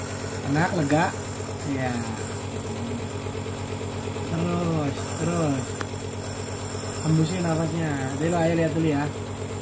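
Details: Nebulizer therapy for a child with cough and cold, struggling to bring up phlegm, prescribed by a doctor: steady motor hum and hiss of a nebulizer compressor, with a child's and an adult's voices over it.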